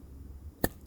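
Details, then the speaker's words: Adult woman who clenches her jaw and feels it click on opening, during chiropractic/osteopathic jaw manipulation after masseter muscle work: a single sharp jaw joint click as the mandible releases; it always cracks like this. "ci siamo scrocchia sempre così"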